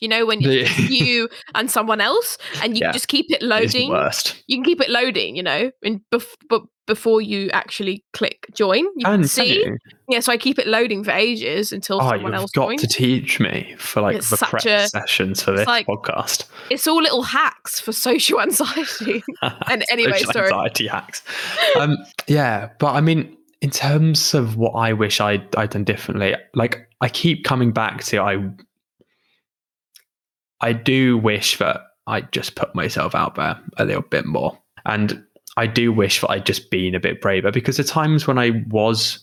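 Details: Adult female who stammers; stammering.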